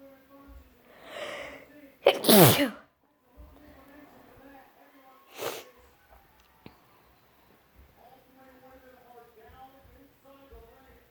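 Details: Sneezing fit, possibly allergies: two sneezes, a loud explosive one after a drawn-in breath, then a smaller one, with faint talk in the background.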